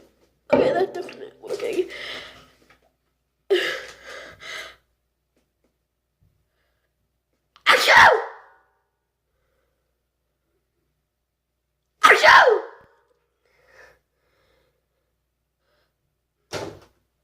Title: Loud sneeze